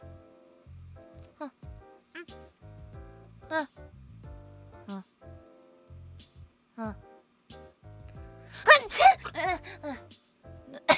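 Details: Streamer with an itchy nose during a live broadcast: quiet, breathy build-up sounds, then a single forceful sneeze over steady background music.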